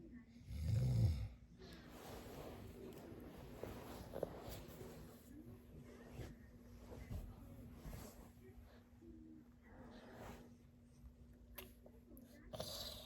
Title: Dadi snoring yana gaya